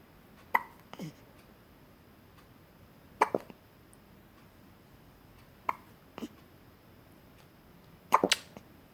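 Brief sharp catches at irregular intervals, about every two to three seconds, in a quiet room; hiccups.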